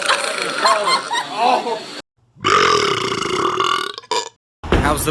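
Loud, long, drawn-out belches cut together with short gaps and brief talk between them: repeated burping.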